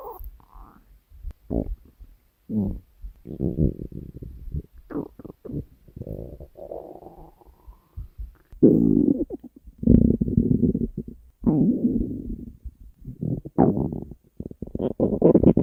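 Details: Stomach growling: low gurgling rumbles and irregular bubbling bursts rising and falling in loudness, ordinary bowel sounds.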